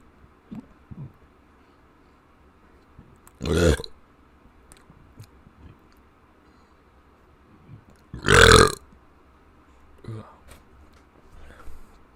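Two loud burps several seconds apart, with quiet throat sounds between them.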